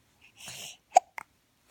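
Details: Single hiccup: a brief breath followed by a sharp, abrupt hiccup and small clicks in a quiet room.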